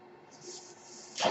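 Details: Speaker's own mechanical ventilator heard during podcast speech: soft steady airflow hiss ending in a louder burst of air; mechanical ventilator breath sound.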